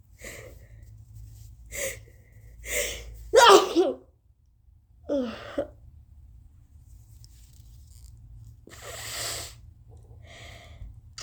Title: Three HUUUUUUUUGE sneezes!!!!! OMG!😱🤧😓